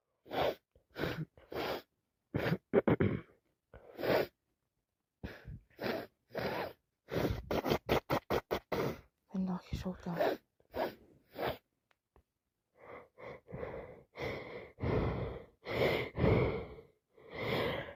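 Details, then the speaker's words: Person with a wet cold, repeatedly snorting and sneezing forcefully with heavy spray; breathy sighs and noisy nasal breathing; legs and face wet, nose dripping; snorting and sneezing. "It's gone everywhere. [snorts] Legs are covered. [snorts] Face is wet. Nose is dripping."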